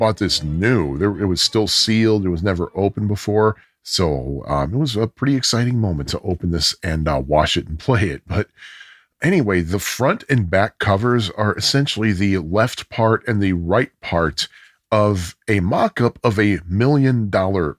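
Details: Adult male speaker; ordinary speech.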